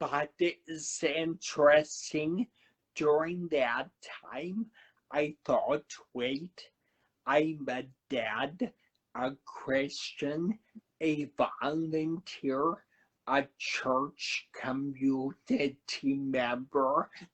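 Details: Adult man who had a cerebellar stroke at 35, could not talk at first, has a paralyzed vocal cord, right side affected (now writes left-handed) and aphasia; finding: slow speech with dysphonia after stroke.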